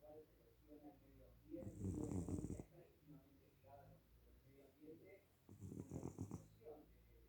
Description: My beloved cat Michi snoring